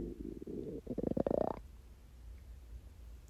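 A short gurgling, rolling stomach growl lasting about a second and a half, then quiet; hunger growling from an empty stomach, a normal sound.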